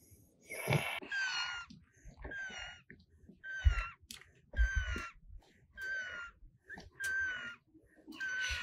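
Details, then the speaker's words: Child in respiratory distress with visible chest wall retractions: rapid, repeated high-pitched whistling breaths, a wheeze from narrowed airways. "this one you hear a whistle which is a noisy breathing sound and can hear it at a rapid pace and also if you look at the shirt you can see retractions in the chest wall"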